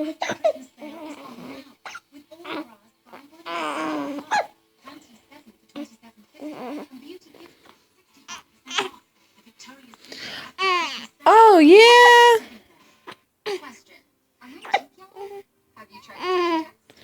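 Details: Young boy hiccupping: brief, sharp catches mixed among babbling, coos and one loud squeal.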